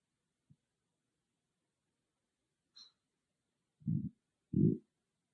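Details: Stomach growling recorded with an iPhone microphone, no special microphone: two loud low gurgling rumbles after near silence, with a faint click; ordinary bowel sounds.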